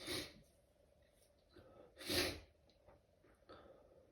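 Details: Stifled sneezing fit at work, held back in a bathroom: a few muffled sneezes with short breathy bursts in a quiet small room.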